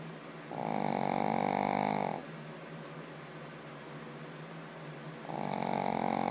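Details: Very loud snoring, described as louder than any human: rattling snores on the in-breath, each lasting over a second, separated by quieter pauses.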